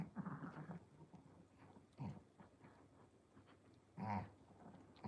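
Repeated snuffly, grunting snorts about every two seconds over quiet room noise; noisy stertorous breathing of a flat-faced dog.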